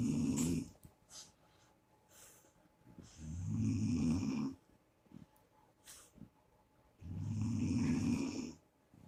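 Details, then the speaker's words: Grandma snoring loudly: loud rattling snores about every four seconds, with quieter breaths between them. "snoring right now. If you can hear her, it's funny. Look at her just snore. It's a wild grandma"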